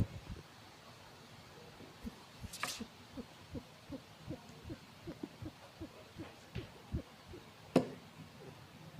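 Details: Domestic Puspin cat, recently dewormed after vomiting worms, looking unwell with wheezing: rapid, regular, low, noisy breaths with a faint whistling edge, suggesting labored breathing.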